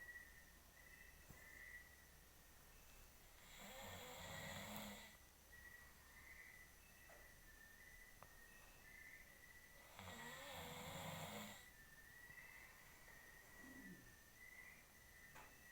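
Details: Adult man (husband) snoring while asleep: two long, rough, rattling snores on breathing in, about 9 a minute, against a steady high-pitched background tone.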